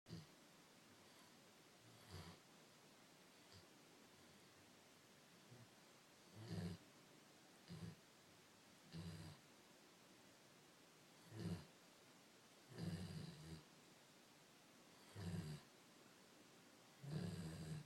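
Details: 108 lb dog snoring while asleep: soft, low rumbling snores at irregular intervals, roughly one every few seconds, in a quiet room.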